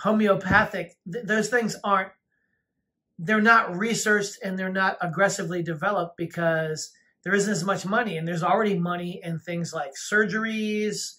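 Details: Adult woman speaking; ordinary speech.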